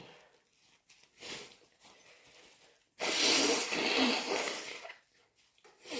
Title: Super wet induced sneezes and blows